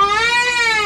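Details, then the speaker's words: Newborn baby crying shortly after waking; single sustained clear wail, steady pitch, strong and unstrained; ordinary newborn cry. "your Pap that's a real cry it's not bad though"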